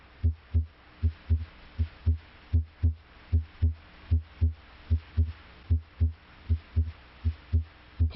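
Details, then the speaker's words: Regular lub-dub heartbeat at about 78 beats a minute; normal first (mitral closure) and second (aortic closure) heart sounds. "closure of the heart valves creates a pair of audible heart sounds the first sound s1 arises from closure of the mitral valve bicuspid valve closure may also contribute to s1 the second sound s2 arises from closure of the aortic valve"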